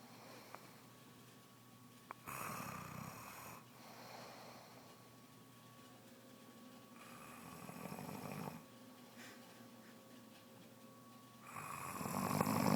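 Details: Snoring in a pregnant woman, developed soon after becoming pregnant: three loud, rough snores on inward breaths about every four to five seconds, quiet breathing between.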